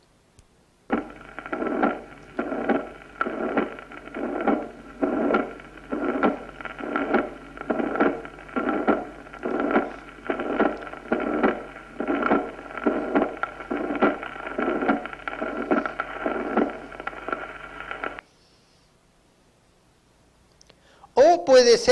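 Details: Holosystolic murmur of mitral regurgitation.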